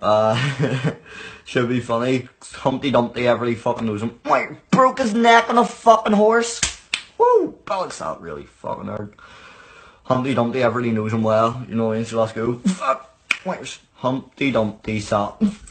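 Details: Person with Tourette syndrome reading a nursery rhyme aloud, repeatedly interrupted by involuntary swearing and out-of-place words; vocal tics with coprolalia (Tourette syndrome).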